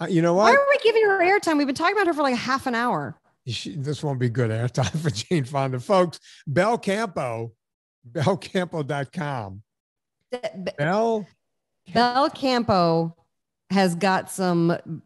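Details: Adult speaker; normal speech.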